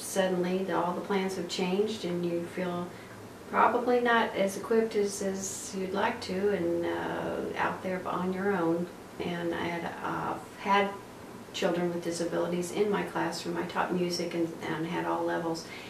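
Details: Adult woman speaking; typical adult speech.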